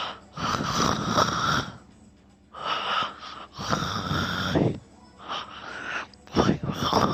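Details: Self-recorded snoring during sleep: several harsh, rattling breath bursts about a second long, separated by short pauses; loud snoring.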